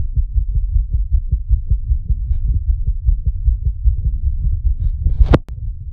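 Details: A person's own recorded heartbeat, set to an animation: a fast, strong, low thumping heartbeat with a steady rhythm, a rapid pounding heart.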